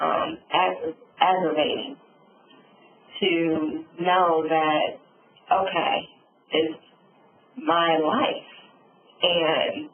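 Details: Adult woman, real stroke survivor, with aphasia and apraxia of speech after a subarachnoid hemorrhage and stroke; she reports sometimes being unable to think of the word; aphasia and apraxia of speech.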